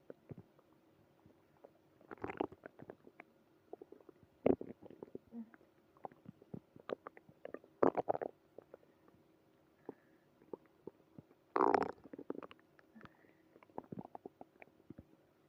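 Irregular gurgles, clicks and bubbling rumbles from the abdomen, typical stomach growling of active bowel movement.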